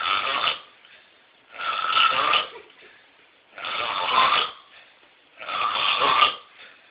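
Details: A man's loud, harsh snoring: four rattling snores about two seconds apart, roughly 32 a minute, with quiet gaps between; snoring.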